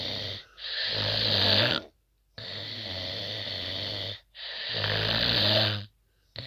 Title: HARD DAMN SNORING